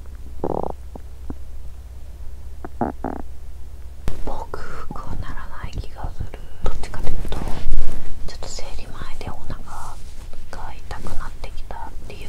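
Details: Woman fasting over 17 hours, period due that day and abdomen bloated: growling and gurgling from an empty stomach; hunger bowel sounds (borborygmi).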